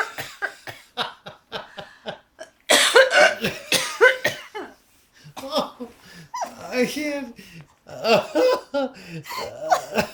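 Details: Hiccups with laughter: run of short, sharp, quick gulping catches, followed by laughter and breathy bursts; stomach hurts from laughing.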